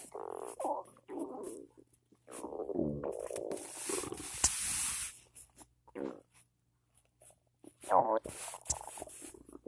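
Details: Adult's loud stomach after cereal with peanut butter and coffee in the morning: gurgling, croaking rumbles in bursts with quiet gaps; loud bowel sounds (borborygmi).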